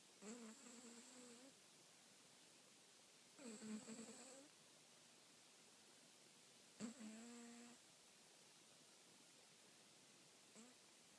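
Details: Sleeping cat snoring: soft, whistling, buzzy snores about 18 a minute, each about a second long, over faint room hiss.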